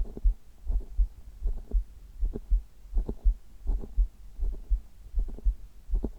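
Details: Heartbeat recorded on an adult's chest for ASMR: normal heart sounds.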